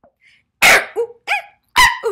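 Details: Adult woman with severe Tourette syndrome since childhood: abrupt, harsh bark-like vocal bursts, a barking vocal tic, let out on camera.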